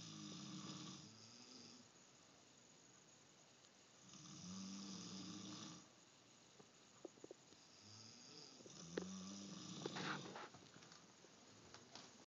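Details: Rough, fluttering snores on each breath in, about 15 a minute, over quiet room noise, from a sleeping person, mother or son; ordinary snoring.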